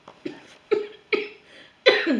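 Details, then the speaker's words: An adult woman who says she has a slight cold gives a quick series of about four or five short, light coughs; cough with a common cold. "Alors excusez-moi, je suis légèrement enrhumée. Alors, ma voix part en cacahuète et je tousse un petit peu."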